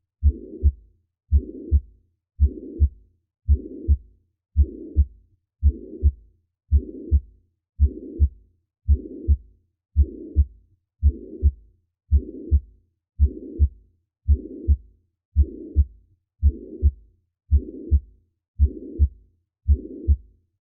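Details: Holosystolic murmur: steady heartbeat near 56 a minute with a high-pitched, blowing, machine-like murmur filling the whole interval between the two heart sounds.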